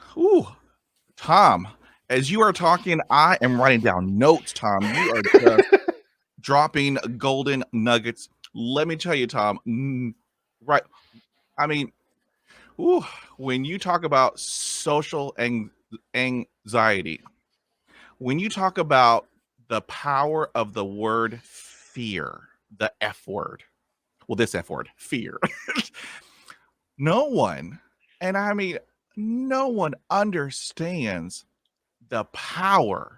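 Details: Adult male who stutters, with sound repetitions; stuttering.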